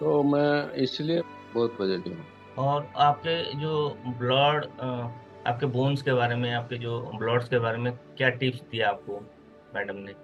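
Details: Adult male speaker; ordinary speech.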